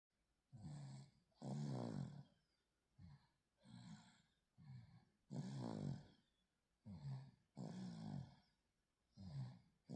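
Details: Baby on day 126 of life snoring during a nap: soft, low rattling snores on each breath in and out, about 15 breaths a minute, in a quiet room; snores like dad.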